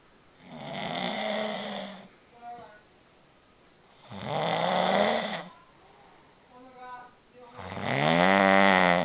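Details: Man asleep: loud rattling inspiratory snores, three in nine seconds, quiet out-breaths between, some ending in a vibrating flutter; snoring.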